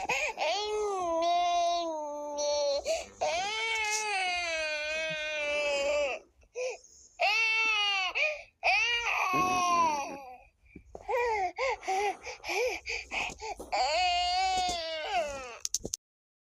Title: Baby Heart Girl Crying Sound Effect (FREE TO USE)